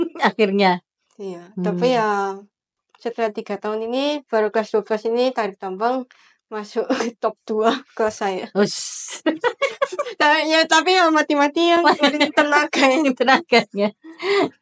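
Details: Teenage girl speaking Indonesian; speech of a cochlear implant user.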